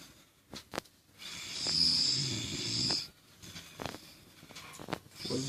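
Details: Man snoring after drinking alcohol: a long, loud, rasping inhaled snore with hissing, then quieter breathing and small clicks; snoring.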